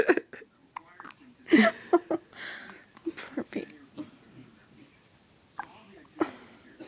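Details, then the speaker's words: Infant girl with a series of short, abrupt, squeaky hiccups at irregular intervals, with soft adult murmuring nearby. "Baby hiccups are so cute."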